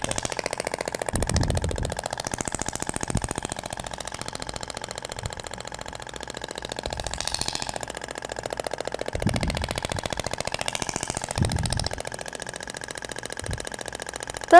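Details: Ibramed Thork radial shockwave handpiece firing continuously as it passes slowly over gel on a patient's abdomen, in vertical and horizontal passes: rapid, steady mechanical tapping with a machine-gun-like rattle.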